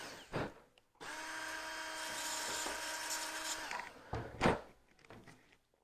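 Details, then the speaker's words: About three seconds of high-pitched dental handpiece whine with clicks before and after, reducing the lingual cusp of a tooth preparation on a mannequin for lack of occlusal space with the antagonist. "então preciso gastar um pouco da cuspe de lingual do meu preparo então eu vou lá desgastar um pouquinho"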